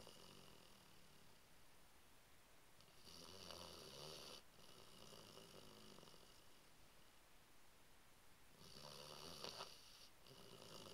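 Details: Bloodhound dog named Ruby asleep, giving soft rumbling snores, two long inhaled snores rising over steady room noise; snoring.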